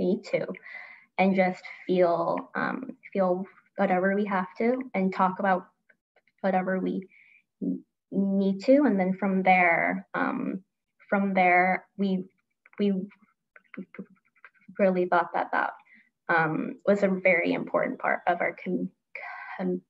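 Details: Adult woman who stutters and grew up as a covert stutterer, with part-word repetition; stuttering.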